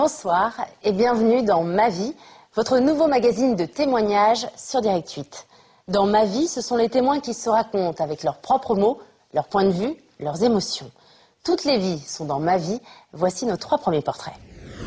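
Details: Adult woman, television presenter; normal fluent speech.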